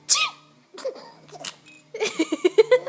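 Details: Infant laughing at play sneezes: a sharp sneeze burst opens, followed by baby giggles and bursts of laughter.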